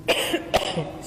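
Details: Two sharp coughs from an adult woman during an in-person press conference, with room noise; an ordinary cough, and whether she was tested for COVID-19 was not confirmed.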